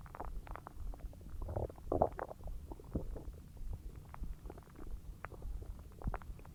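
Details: Loud bowel sounds (borborygmi) from the belly while a huge meal digests: continuous low gurgling and bubbling with frequent short squelches.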